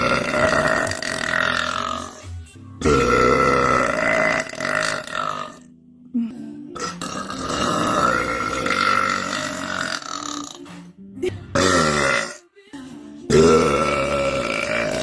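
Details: Several long, loud, drawn-out voiced belches from a woman, separated by brief pauses, with faint background music; repeated deliberate burping.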